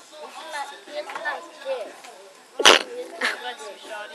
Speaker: sneeze hurt, but thank you.